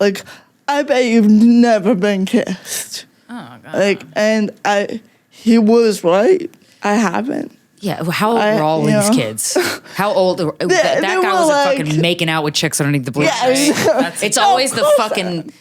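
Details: Adult woman with cerebral palsy that mostly affects her speech, and also her fine motor skills and slightly her walking, using no mobility aid; she finds talking harder; real conversational speech showing dysarthria from cerebral palsy.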